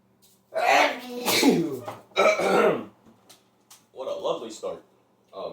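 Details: A loud voiced sneeze with a sharp burst at its peak, then a brief pause and a few vocal sounds; a sneeze.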